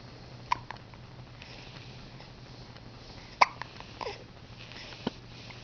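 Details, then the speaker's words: Hiccups in a girl, who usually gets hiccups after she brushes her bag: three brief, sharp, isolated gulping sounds a few seconds apart over quiet room noise. "She usually gets hiccups after she brushes her bag."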